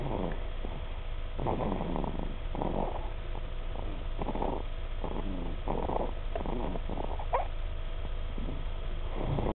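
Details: A 3-month-old baby snoring: repeated low rumbling snores with each breath, about 75 a minute but uneven, over a steady background hum.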